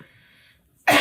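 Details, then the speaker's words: A single harsh, forceful cough from an adult with a persistent cough during COVID-19 infection. "Put up with their coughing and stuff, Incessant coughing day and night."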